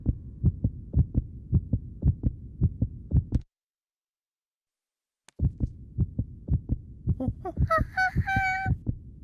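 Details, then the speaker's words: Cartoon heartbeat heard through a stethoscope, steady low thumps about 55 a minute, a pause, then the beat resumes with a playful tone; a cartoon monkey listening to a doctor's heart, not a real recording. "that's the sound of my [Music] heart"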